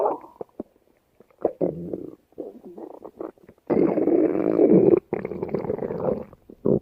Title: (My first stomach growling video) easy angel stomach growling